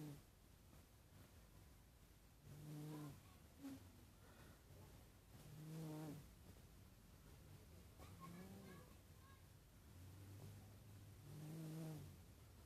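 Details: Cat snoring loudly while asleep.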